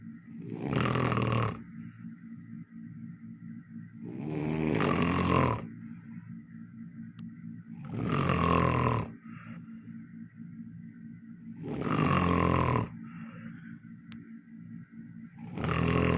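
Loud, rumbling snores on each breath in, about four breaths a minute apart, with quieter breathing between; heavy snoring.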